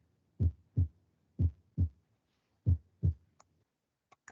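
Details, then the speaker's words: Teaching recording of normal heart sounds: paired low lub-dub thumps (S1, S2) about 80 per minute, crisp and clean with no murmur. "Ya, acuérdense de ese ruido porque eso es lo normal, o sea, no hay soplos, no hay nada. Está normal, está limpio ese primer y segundo ruido."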